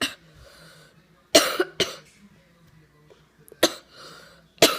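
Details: About five loud, harsh cough bursts in a short fit, with quiet breaths between: coughing in an adult who says they are very sick.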